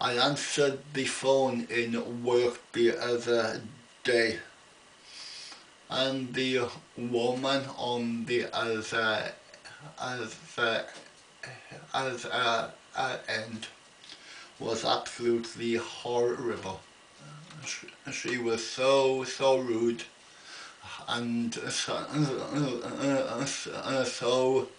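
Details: Adult man with an ongoing stammer, attending a weekly speech therapy group; stuttering.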